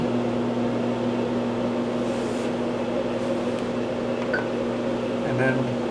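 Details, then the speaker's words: CoolSculpting cryolipolysis applicator placed over a protective membrane on a patient's abdominal belly fat roll, vacuum drawing tissue in: steady low mechanical hum with fan-like whir. "and then we're going to apply the device over the areas that we marked before and now what it's doing is like a vacuum cleaner it's sucking everything in"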